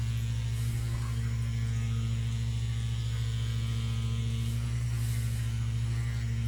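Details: A percussive vibration massage device, working on the whole fascia through waves, vibration and percussion, is used on a very large man with years of muscle tension during a chiropractic manual therapy session: a steady, low motor hum with a faint buzz.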